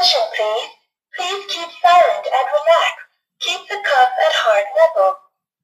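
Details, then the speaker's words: REALBLAD home blood pressure monitor switched on during unboxing, with a built-in cooling fan: the device speaks a recorded voice announcement as it powers on. "মজার বিষয় হচ্ছে মেশিনটি কথাও বলে"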